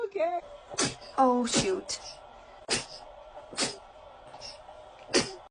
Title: Babies sneezing is the funniest thing #kids #baby #funny #viral